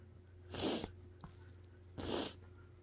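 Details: Harsh sneezing fit attributed to freshly mowed grass, neighbors mowing that morning: two sharp sneezes about a second and a half apart over a steady background hum.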